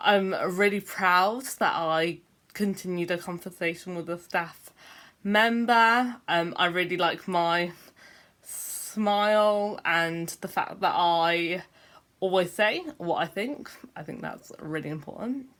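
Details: Adult speaker who says he has a stammer; stuttering.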